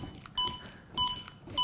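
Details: Steady short electronic beeps at about 100 per minute from a ZOLL AED Pro metronome pacing chest compressions on a training manikin after a shock for simulated ventricular fibrillation: AED CPR metronome beeps.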